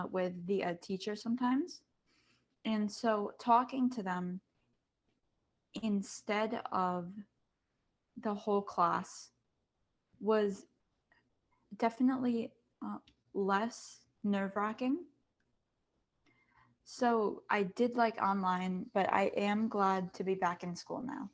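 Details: Panelist who stutters, speaking among kids, teens and adults who stutter. Finding: stuttering.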